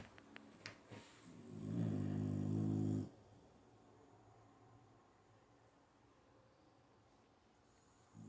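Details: Dog snoring while a cat plays footsies with it: a single deep, rumbling snore of about a second, then quiet breathing and faint rustling; snoring.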